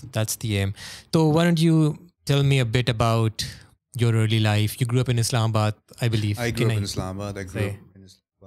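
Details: Adult male speaker; Normal fluent speech.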